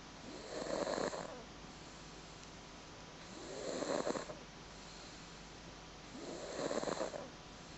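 Three regular, rattling snores about three seconds apart, quiet between breaths. Snoring.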